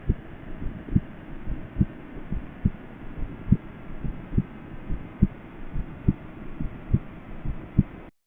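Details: S4 gallop (fourth heart sound).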